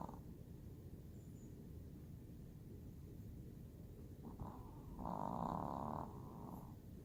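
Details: Pampered pet dog Smidgy asleep, giving a quiet, steady rumbling snore with one louder snoring breath near the end over faint room noise; snoring.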